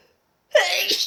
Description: So this was from my nasty cold i had. I still have it but I'm mostly over it. These were just odd sneezes.